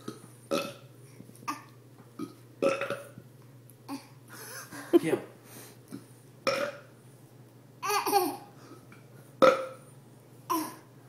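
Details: A child and his uncle trade repeated loud, deliberate burps mixed with laughter, with someone urging one more big one; ordinary burping.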